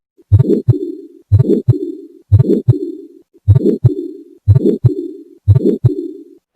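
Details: Heart sounds of a patient on hypertension tablets for 10 years and diabetes medicines for 20 years: a regular beat at about 60 a minute, each beat followed by a drawn-out whoosh; a heart murmur.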